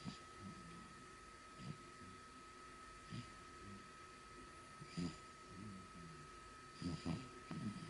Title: 「生後３カ月の赤ちゃんのいびき」3Months Baby Snoring